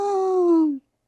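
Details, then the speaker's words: An adult imitates the single high-pitched, drawn-out crowing inspiratory whoop that ends a pertussis (whooping cough) coughing paroxysm of repeated coughs without a breath in between. "que a gente chama de guincho respiratório. Então, isso acontece, isso é muito característico aí da coqueluche."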